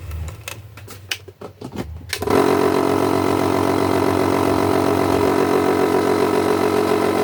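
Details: Clicks and handling, then a loud, steady buzzing motor starts and runs evenly: a nebulizer compressor running after being opened for repair and found with dust inside.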